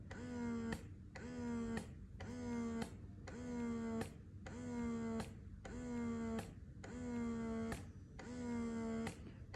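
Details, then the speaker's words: Philips Avent SCF323/11 two-phase electric breast pump: rhythmic humming motor cycles with a click between each, about 50 a minute, in the slower expression phase that follows about 1–2 minutes of stimulation/massage. "це підготовка до зціджування масаж та стимуляція і Приблизно через 1-2 хвилинки можна натискати на крапельку і почнеться вже зціджування"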